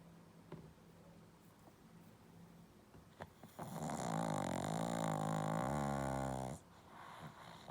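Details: Pug snoring while asleep: one long, loud, rattling snore on an in-breath, with quieter breathing before and after.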